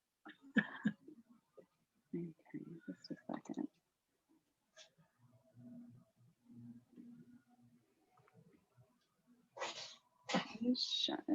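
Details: Pet cat heard in a quiet room during a live online session: brief talk and soft low sounds, then a few sharp, explosive sneezes.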